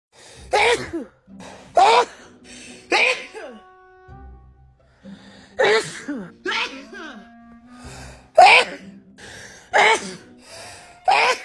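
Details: A rapid run of forceful sneezes, each with a sharp intake and voiced burst, over background music, from a woman who is sick with a cold; sneezing fit.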